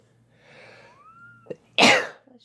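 A brief rising intake of breath, then one loud explosive sneeze: a single ordinary sneeze.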